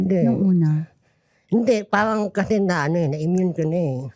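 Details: Hypernasal speech in an adult male comedian, nasal since childhood.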